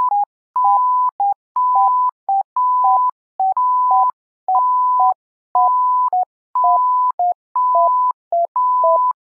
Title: SimMon simulated patient monitor